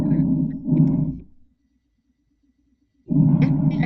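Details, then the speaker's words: Normal bronchial breath sounds heard through a stethoscope, a recording played in a clinical auscultation class: low soft rushing swells of inspiration and expiration, a pause, then return. "Tapi sekarang diterima dulu suara normalnya adik-adik ya, bronkial."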